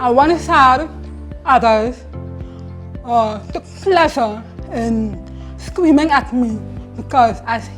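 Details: Hard-of-hearing male hearing-aid user who reports a speech impediment or tight tongue, present since primary school; speech sound disorder (tongue-tie related articulation).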